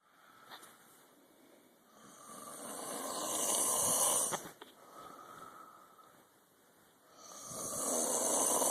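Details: Snoring during sleep: long, hissing, rasping breaths that swell and fade, roughly 14 a minute.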